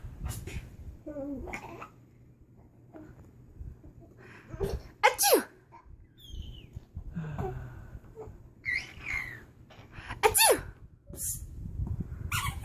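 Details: Talking and sneezing, recorded 7/2014: several sharp, explosive sneezes mixed with babble and short vocal sounds.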